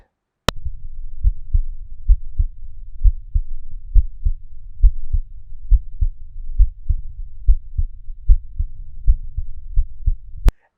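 Regular low heart thumps at about 68 beats a minute, heard through a digital stethoscope after noise reduction.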